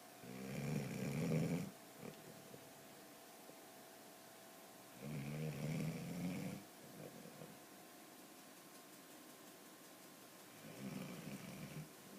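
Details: A sleeping dog snores with deep, rumbling snores on each breath, about every five seconds, over a faint steady room hum; snoring.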